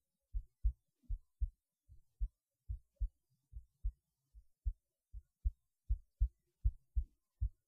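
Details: Self-recorded heartbeat through a cheap acoustic stethoscope: soft, low thudding beats in a steady rhythm at about 79 per minute.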